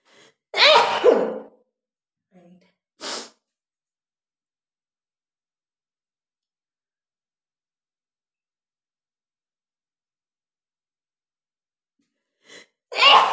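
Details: Loud explosive sneeze after a brief inward breath, then a long quiet pause and the start of another; sneezing induced by tickling the nose with paper, eyes watering, repeated up to about 15 times.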